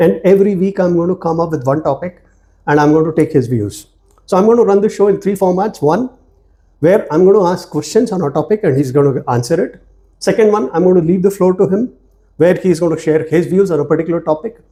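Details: Adult male speaker; normal speech.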